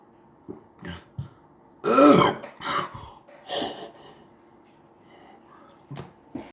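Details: Several short, rough throat-clearing bursts, one louder, in a quiet room, while attempting to chug a cup of Sprite without burping.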